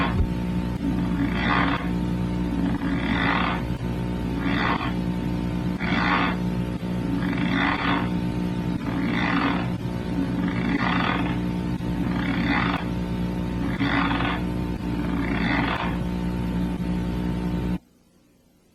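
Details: Sleep bruxism patients observed during sleep in a Montreal university study of nocturnal bruxism types and intensities: rhythmic rasping grinding bursts, about ten in sixteen seconds, over steady hum.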